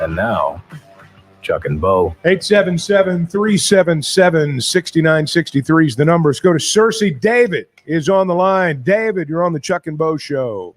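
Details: Adult male radio host; normal voice.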